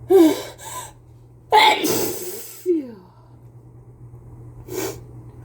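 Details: Person with a cold: sharp catching in-breaths, then a big, forceful, wet, messy sneeze with a short voiced sound and a final breath; sneezing.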